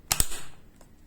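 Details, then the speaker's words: Sharp double click as the door of a MedRena UniFusion VP50 infusion pump latches shut, pressed on both left and right sides, confirming the infusion line is seated. "once the line is installed close the door by pressing both left and right side until you hear the sound of clip"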